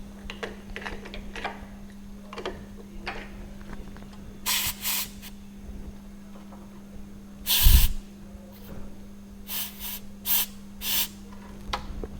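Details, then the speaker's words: Short hissing air bursts over a steady electrical hum as the air syringe dries a class 1 cavity prepared on maxillary premolar tooth 14: dental air spray. "So So we have to dry the cavity, we have to see, okay, we have extended here along the groove, little bit we can extend here, okay"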